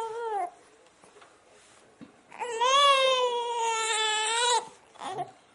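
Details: Infant boy crying during tummy time, refusing to practice crawling on his tummy: a short cry, a pause, then a long sustained high-pitched wail and a brief sob.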